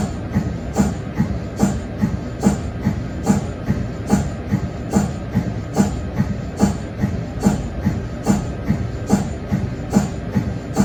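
Steady rhythmic thumping and hissing pulses, about 72 a minute, from an MRI scanner's helium cold head compressor; a normal machine sound.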